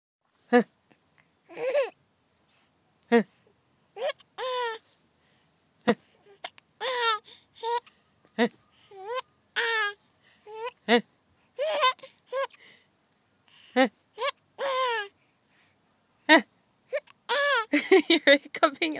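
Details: Infant vocalizing with hiccups: short bursts of giggles and fussy whimpers, with brief hiccup-like catches between them.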